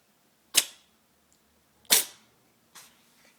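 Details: Cat in a quiet room: three short, sharp, hissing bursts, the last softer; a run of sneezes.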